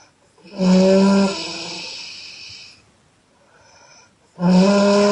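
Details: Loud, buzzing, growl-like snores on breathing out, two heard, separated by quieter breath noise, from a sleeping Chinese girl; exhale snoring.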